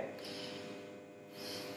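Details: Normal vesicular breath sounds on auscultation during a teaching respiratory examination, patient taking repeated deep breaths; bilateral air entry assessed.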